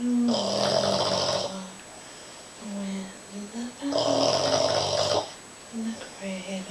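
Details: Sleeping Boston Terrier dog: loud, buzzing snores with softer snuffling breaths between them; snoring.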